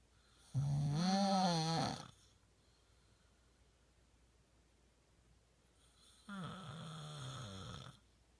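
Two loud, buzzing inhaled snores separated by a quiet pause of several seconds; ordinary snoring.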